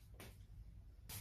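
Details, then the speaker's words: Adult woman says she is hungry as her stomach growls audibly (borborygmi). "guys I'm so hungry oh did you hear that my stomach just growled"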